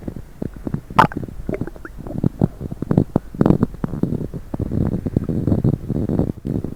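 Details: Continuous low gurgling and bubbling rumbles from the abdomen after coffee and diet coke: borborygmi, ordinary stomach rumbling.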